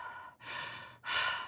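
A smooth, quiet breath out and in, with no whistling or wheeze: an imitated normal breath.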